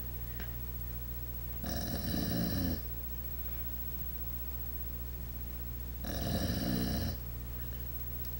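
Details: Max snoring: two harsh, raspy, rumbling snoring breaths over a steady background hum, about four seconds apart.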